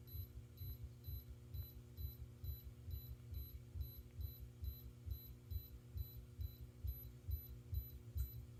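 Regular low heartbeat thumps near 68 beats a minute with steady monitor beeps and hum behind; a normal heartbeat.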